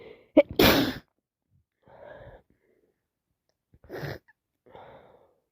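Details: Person with a worsening cold gives one loud, explosive sneeze after a quick in-breath, then softer sniffs and breaths during 20 minutes of non-stop sneezing and sniffing; sneezing.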